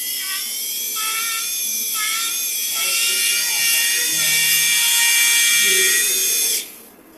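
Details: Steady high-pitched whine of a high-speed surgical drill cutting bone, pitch shifting with load, then stopping, with faint room noise, during live endoscopic sinus surgery.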